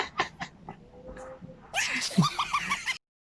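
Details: A few short, sharp nasal bursts, then a louder noisy burst with brief squeaky tones from a pet dog with cough and colds, possible kennel cough; dog sneezing.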